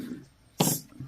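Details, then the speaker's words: Brief low rumbling stomach growl from an adult, ordinary bowel sounds (borborygmi), with a sharp handling noise midway. "you can hear my stomach growling"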